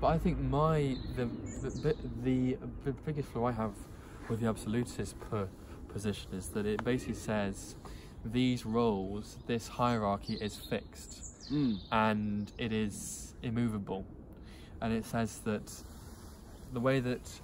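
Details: Stuttering (stammering) in an adult who stutters, who is using speech techniques.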